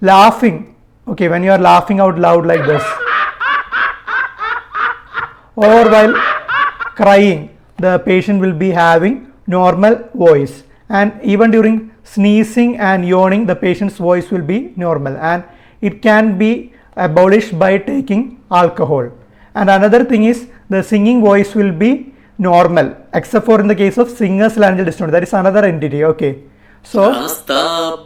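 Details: Adult speaker; normal speech.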